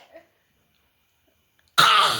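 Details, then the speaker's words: A dog gives one sudden harsh, hacking burst after a quiet stretch: a cough. "खांसी हो गई। भो खांसी हो गई। भो को खांसी हो गई। भगू खासी ये देखो भगू खांसी हो गई।"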